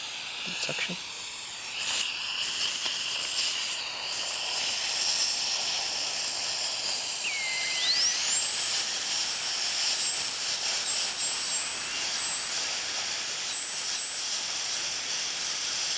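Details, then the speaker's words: Steady high-pitched dental drill whine with a rising spin-up and hiss of water spray, smoothing and recontouring the remaining root sections after distobuccal root amputation of an endodontically treated maxillary first molar. "And the final procedure is to smooth and recontour the remaining root sections."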